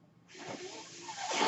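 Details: A soft, airy hiss starts abruptly and builds steadily in strength: the speaker's own mechanical ventilator delivering a breath, a ventilator breath cycle.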